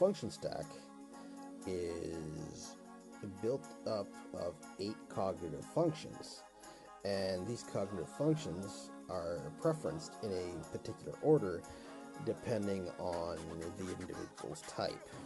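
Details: Man who says a stutter may be heard in his voice and relates it to concern about how he performs and comes across to others; stuttering.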